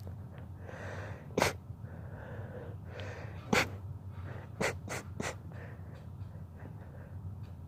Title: rapid sneezing fit